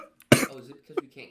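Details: A single sharp, loud cough burst from an adult during a gaming conversation, with faint voiced sounds before and after; cough.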